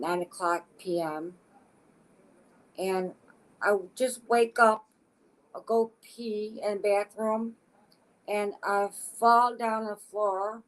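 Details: Adult woman with aphasia since a stroke in August 2014 at age 52, affecting her speech expression but not her intelligence; aphasia.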